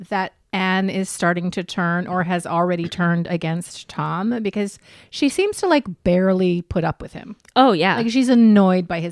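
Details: Adult woman speaking; Normal speech.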